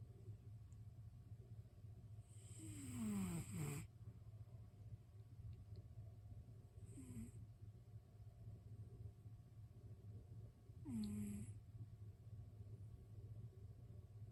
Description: a cat snoring